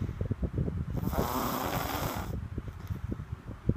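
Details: Rocky snoring: one drawn-out, rumbling snore mid-clip, with soft snuffling breaths before and after it.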